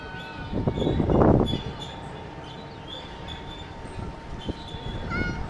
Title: Pony sneezed while eating hay